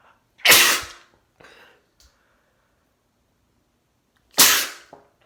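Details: Adult male's sneezes from a compilation, described as wet, induced sneezes: two sharp, explosive sneezes about four seconds apart with a faint breath between.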